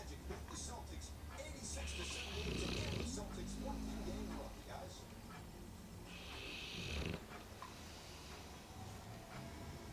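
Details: Sherman, a 2-year-old Bullmastiff napping after a large Christmas turkey meal: low rumbling snores over steady room noise with faint voices in the background. Snoring.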